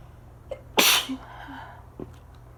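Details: One loud, explosive adult sneeze after a quick breath in, an allergic sneeze in a person with an asthma cough during spring allergies; a loud air conditioner runs in the background.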